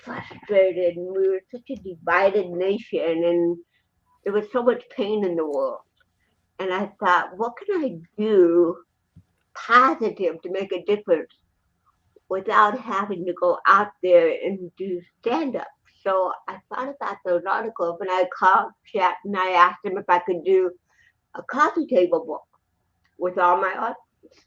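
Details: Dysarthria in an adult woman born in 1956 with congenital cerebral palsy, speaking in an interview; real, not acted.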